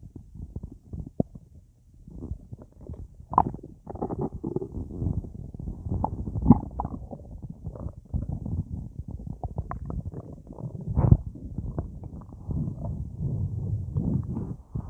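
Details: Full, gassy belly after a big meal eaten with a drink: low bubbly gurgling rumbles in irregular bursts, active bowel sounds (borborygmi).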